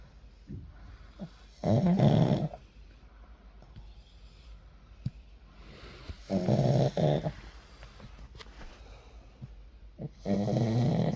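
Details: Sleeping pug snoring: three loud, rattling snores about every four seconds, with soft snuffling breaths between them; snoring.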